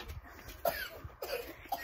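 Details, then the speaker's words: Three short, soft coughs, spaced about half a second apart, from a horse being prepared for free jumping; the owner says it doesn't have covid and is just coughing: cough. "he's just coughing or stops so if you can hear that i do apologize"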